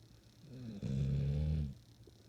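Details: Adopted female dog snoring: a single low, rumbling breath sound during sleep.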